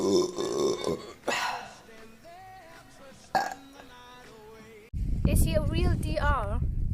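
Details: Several loud, low, drawn-out burps with music in the background; ordinary belching.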